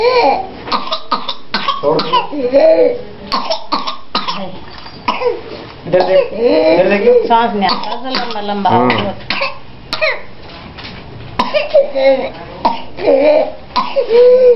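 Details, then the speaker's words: Runs of rapid coughs strung together in single expirations without pauses: paroxysmal (spasmodic) cough in a child, suggesting pertussis or parapertussis, or foreign body inhalation; whoop not necessarily present. "very characteristic الباروكسيزمال او الاسبازموديك كاف. اول ما اسمعه ده يساوي ايه؟ يساوي بيرتاسز او بارا بيرتاسز، ومش شرط يا جماعه ان يكون معاه هوب."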